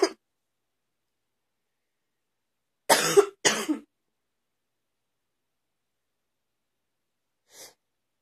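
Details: Persistent morning cough that keeps continuing: two quick harsh coughs back to back, with faint breath sounds before and after in a quiet room.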